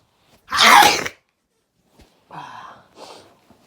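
One loud, forceful sneeze, followed by quieter breathy vocal sounds.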